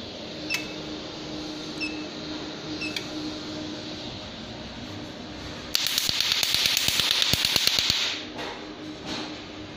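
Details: Room hum with a few beeps, then a two-second burst of rapid sharp clicking pulses, about three per second, from an Nd:YAG tattoo-removal laser (PL532A) firing.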